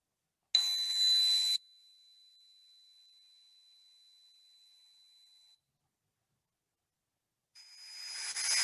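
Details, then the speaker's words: Simulated tinnitus: a steady high-pitched whistling tone framed by bursts of loud hissing noise. "for those who don't know what tinnitus sounds like this is what I’ve been told by my doctor and my ear nose and throat specialist that it's comfortable to live with people cope with this and you'll be fine."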